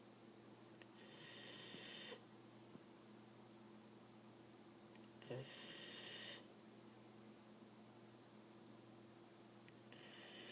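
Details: Sleeping puppy snoring, likened to Darth Vader: slow, hissing, rasping breaths about every four seconds over a steady room hum; noisy sleep breathing.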